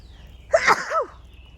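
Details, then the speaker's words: Adult gardening outdoors gives a single sharp sneeze with voiced release amid light background noise; allergic sneezing set off by blooming honeysuckle, the one outdoor allergen that bothers them. "fun fact when it comes to allergies not much bothers me outside except for honeysuckle when honeysuckle blooms i sneeze a lot and i love honeysuckle and i love the smell of it but it makes me sneeze so much"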